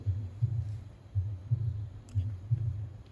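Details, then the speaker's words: Heart sounds played in an anatomy and auscultation lecture: low-pitched paired heart sounds at about 60 a minute, with the second sound seeming doubled, which could be mistaken for a split second heart sound. "acá te podrías confundir en el que como que el segundo roa desdoblado, ¿verdad?"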